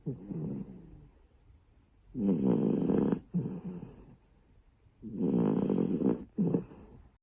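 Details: Snoring Shiba dog: loud, rattling snores in quick bursts with short quiet gaps, a fluttering throaty sound on each breath.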